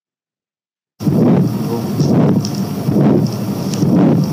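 Four harsh, rumbling swells about once a second, roughly 63 a minute, each covering the heart sounds: the murmur of pulmonary stenosis.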